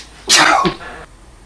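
A single sharp, explosive sneeze in a quiet room.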